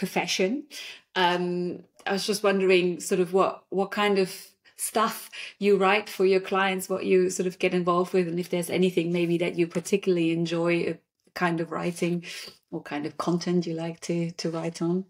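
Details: Adult woman speaking; ordinary speech.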